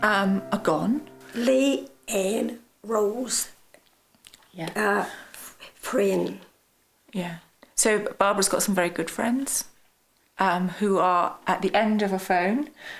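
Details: Man with aphasia after a stroke. He says that 6 to 9 months after the stroke he was making some sense, but not very well. Finding: aphasia.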